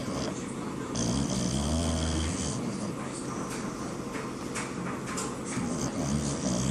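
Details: Bulldog taking a nap, snoring loudly with continuous low, rumbling, fluttering breaths and snorts.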